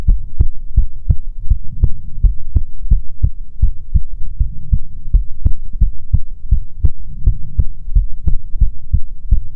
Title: ♡ ASMR ♡ Goth Succubus Fox Girl Gives You Best Heartbeats